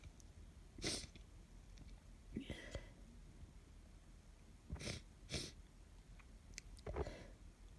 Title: Cold sneezes